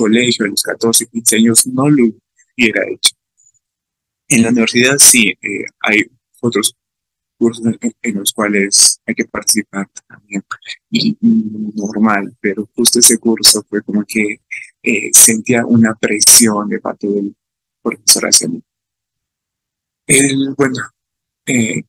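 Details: Stuttering in an adult male Spanish-speaking student who stutters, recorded giving a talk about his own stuttering experience at a stuttering festival.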